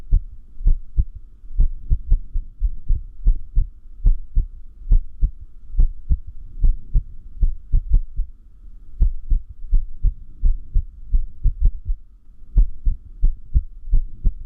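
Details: Irregular heartbeat (arrhythmia), said to increase with lack of sleep: low heart thumps at uneven intervals, with clustered beats and longer pauses.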